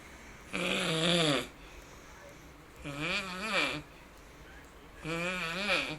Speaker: He appears to be doing a crunch with each snore. And the cat, well, she's not amused.